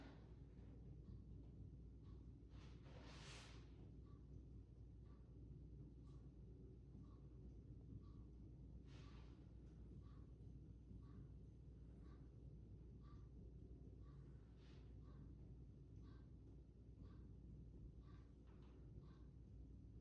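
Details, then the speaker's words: Normal resonant chest percussion on a student nurse practitioner's respiratory exam of an adult male, tapping front and back; resonant sounds equal on both sides throughout. "And um I was hearing resonant sounds that were equal on both sides throughout, which is good. That's normal. That's what we want."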